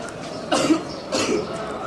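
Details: Fake sneeze made as a school prank while spraying water on students: two short, sharp bursts of forced breath about half a second apart, like coughs or a throat clear. Cough.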